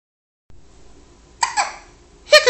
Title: Hiccups are hilarious!